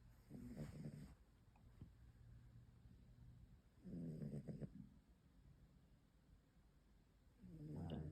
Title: Wait for the snores 😝 #adoreble #cat #cute #kitty